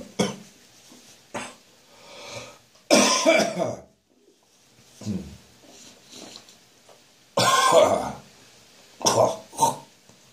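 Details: Harsh, wet adult coughing fits with throaty gagging and retching between bursts, on a morning after a night of drinking beer; cough with gagging.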